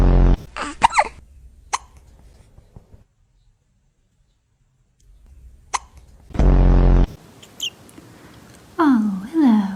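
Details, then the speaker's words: A cat with hiccups: brief, soft, sharp hiccup-like clicks, with a person's voice and meows around them. "Do you have the hiccups? Oh, baby."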